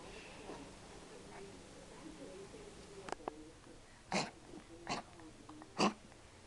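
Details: A 3-month-old puppy, possibly a collie mix, lethargic with a runny nose and under treatment for kennel cough, gives three short, harsh hacking coughs in quick succession.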